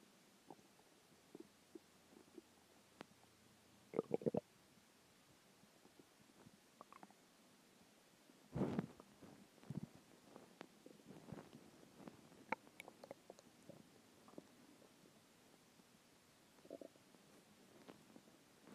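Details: Skipped lunch; quiet gurgles and rumbles at irregular intervals against a low background hiss: hunger stomach growling (borborygmi).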